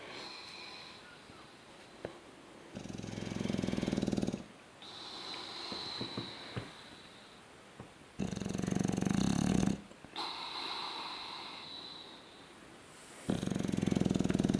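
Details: English bulldog sleeping on his back on a couch with a cat curled beside him: loud rattling snores on each breath in about every five seconds, quieter whistling breaths out between; snoring.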